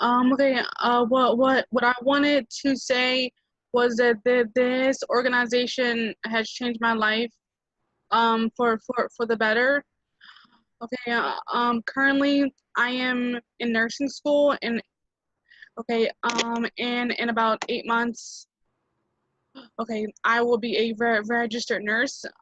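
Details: Real stuttering in a student who self-identifies as a person who stutters.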